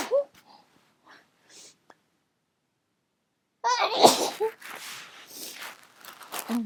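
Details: Drunk sneezes induced with a clothes tag after being sneezy all night, nose still itching: hitching breaths and a false start, then a forceful sneeze followed by further sneezy gasps and exhalations.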